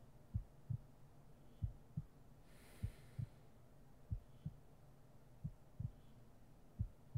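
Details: ASMR roleplay heartbeat sleep aid: soft paired lub-dub heart sounds, steady at about 85 beats a minute over faint background hiss; normal heartbeat.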